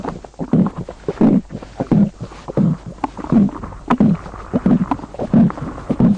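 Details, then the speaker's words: Repeated low watery gurgles and bubbling bursts from a girl's abdomen, heard as she walks near a borewell; claimed to signal underground water: ordinary active bowel sounds (borborygmi). "આપે જે પ્રમાણે અવાજ સાંભળ્યો તે અવાજ આ દીકરીના પેટમાંથી આવી રહ્યો છે"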